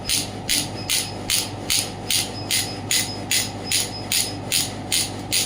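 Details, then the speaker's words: Radial pneumatic shockwave therapy device (combined shockwave plus ultrasound unit) firing rapid, regular sharp tapping bursts, about 150 per minute, applicator on the operator's hand at maximum intensity while the frequency is decreased; normal working sound. "I'm getting the maximum intensity and I'm also getting shock on my hand. Now I'm decreasing the frequency."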